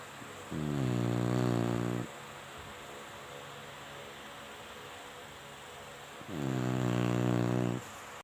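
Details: Chinese Shar-Pei dog sleeping, snoring: two long, loud, buzzing snores on inspiration separated by quiet breathing.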